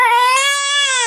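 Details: Baby girl alternately smiling and crying while her mother talks to her; a brief, high, steady wailing cry: infant cry.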